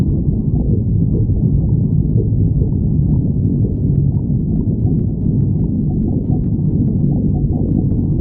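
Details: A person's stomach growling: continuous low, rumbling gurgles with brief squeaky, whining tones throughout (borborygmi).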